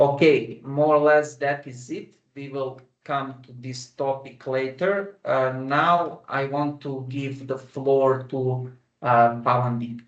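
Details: Adult man who stammers, using the flexible rate speech technique with voluntary pauses and a deep breath before continuing; stuttering with flexible rate speech technique.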